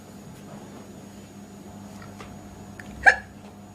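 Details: Girl with hiccups: quiet room, then one short, abrupt hiccup near the end.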